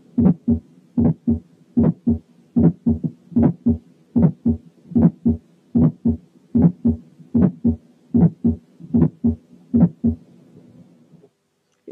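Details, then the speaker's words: Ejection click: high-pitched, clicky extra sound immediately after S1, higher in pitch than S1; teaching comparison with a fourth heart sound. "كان فورث ساوند والتاني كان إيجكشن كليك."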